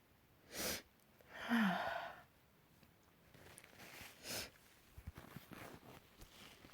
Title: build up sneezes (kinda desperate)